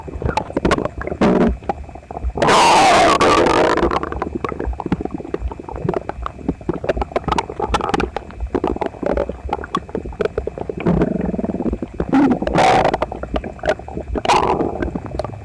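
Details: Man's stomach after a breakfast of toast, eggs and milk, visibly uncomfortable, stomach upset a few nights earlier; phone pressed against the abdomen records loud, near-continuous gurgling and rumbling with louder growls: very active borborygmi.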